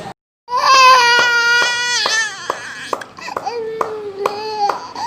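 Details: Young child crying loudly and steadily with broken sobbing catches while receiving steam inhalation for a persistent cough in which phlegm cannot come out.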